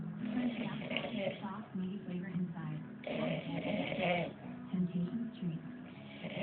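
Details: Super loud snoring: rough, rattling snores in repeated long bursts with a low buzzing quality on each breath; heavy snoring.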